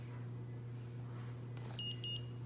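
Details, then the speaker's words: Omnipod insulin pod being filled with 85 units of insulin during a pod change: two short high beeps over a low room hum, confirming the pod has reached the minimum fill volume. "makes those two beeps and that's how you know you've filled to the minimum fill volume"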